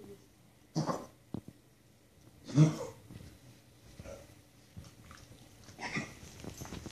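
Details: Dog coughing: a few short, husky coughing bursts separated by quiet pauses.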